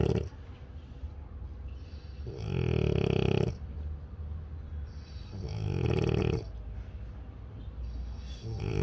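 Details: Loud, rough snoring bursts at about 20 breaths a minute with quieter breathing between, from a French bulldog that is not yet fully asleep; snoring.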